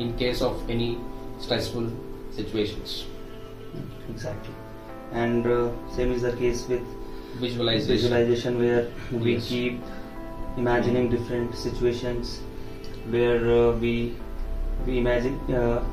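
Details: Adult man speaking; typical speech.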